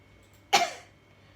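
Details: Woman patient, seated, practising an effective (huff) cough she was taught during a chest physiotherapy demonstration by a nursing student to clear secretions. A single forceful cough burst in a quiet room.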